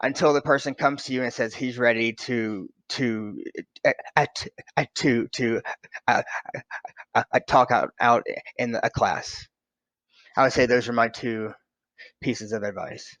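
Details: Adult man who stutters; finding: stuttering.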